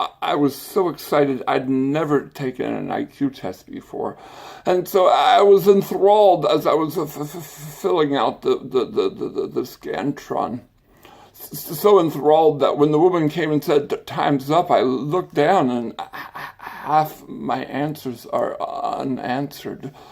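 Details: Adult man with an acquired stutter and speech impediment that began after brain surgery with complications the previous summer; stuttering.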